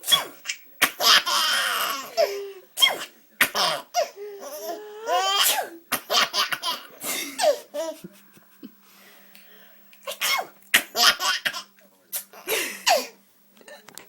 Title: Baby Laughing at Mommy Sneezing